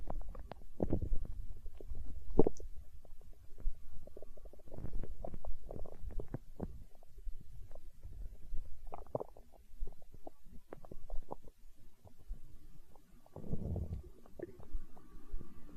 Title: Stomach growl